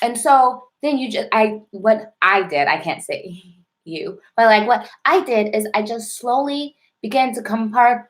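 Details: Adult woman who stutters, with a self-described severe, overt stutter and heavy blocking: stuttering.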